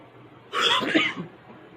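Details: Throat clearing in a staged comedy skit about reactions to coughing and sneezing: a single short, harsh throat-clearing burst against quiet room noise.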